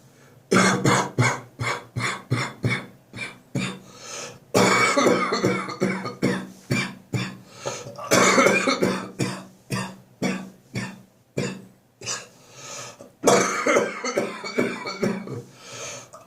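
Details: Adult with bronchitis after a cold cough moved to the chest, now gradually improving, ribs, belly and back painful: repeated bouts of harsh, chesty coughing in rapid runs; productive bronchitis cough.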